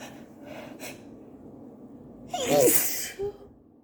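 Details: Allergy sneeze attack, described as wet sneezes, at work: one loud sneeze with a sharp inhaled gasp before it, then a short breath afterward.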